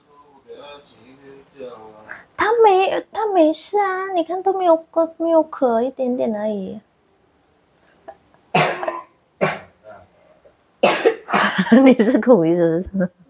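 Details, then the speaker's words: Kindergarten-age child with a lingering cough and runny nose, kept home from school to rest: child's voice followed by a few short, loose coughs; cough. "bapaknya bilangnya suruh istirahat aja seharusnya Sayang hari ini istirahat aja soalnya masih batuk besok sekolah"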